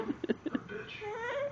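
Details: Infant boy: several short whimpering sobs followed by a longer rising wail, a brief fussy infant cry.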